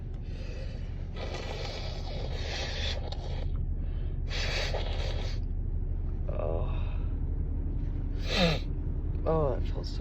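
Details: Repeated breathy, catching gasps over a steady low hum, the big build-up of inhalations before a huge sneeze; gasping.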